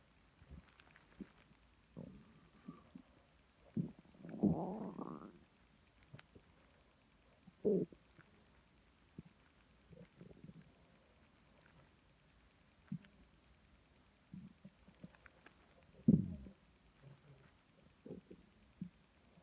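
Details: Female woken at 4am by her stomach: scattered low gurgles and a few longer rumbling growls in a quiet room; stomach growling (borborygmi).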